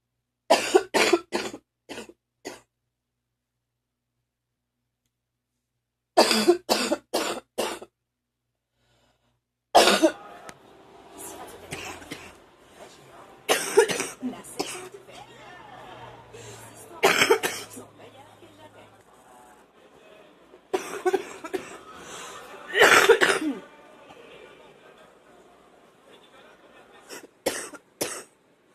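Repeated bursts of wet, phlegmy coughing in clusters, with rattling breaths between bouts.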